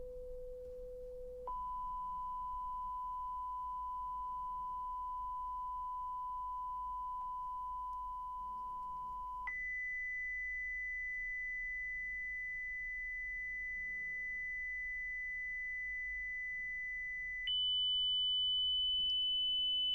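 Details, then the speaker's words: Simulated pure-tone hearing test in an ASMR audiologist roleplay: steady beeps stepping higher in pitch, each held several seconds, played through headphones while the listener presses a buzzer on hearing them, in a quiet room. "Now I'm just going to play these beeps and I need you to press when you hear them, okay?"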